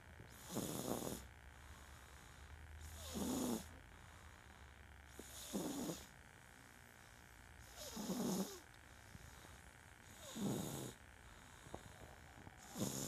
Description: My baby snores loud!!